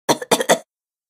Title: Woman Coughing Fast Sound Effect | SFX Sound